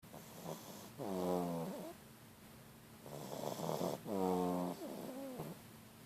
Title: French bulldog snoring